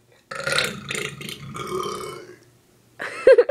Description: My bro finishing his happy bday burp song